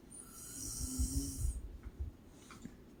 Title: My Mom Snores like a Cow